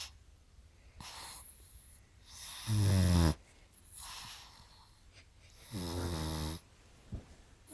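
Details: Rhythmic snoring from a sleeping pug: noisy inward breaths with a low rattling snore, followed by airy outward breaths.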